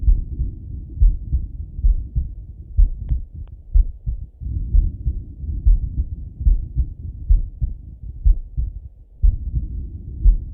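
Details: Male heartbeat auscultated with stethoscope while lying on his left side: steady low thumping heartbeat about 62 beats a minute with soft background rustling, normal heart sounds.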